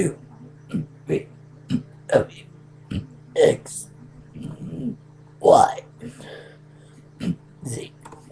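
A run of short, throaty burps of varying length over a steady background hum.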